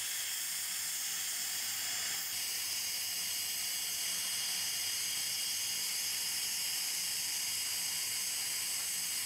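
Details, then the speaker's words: Steady high-pitched hiss and whine of an electric handpiece cutting through the metal of an old fixed dental bridge before torquing it off, under anesthesia with rubber dam. "again I'm using a electric can piece for this you can put a lot more torque on it"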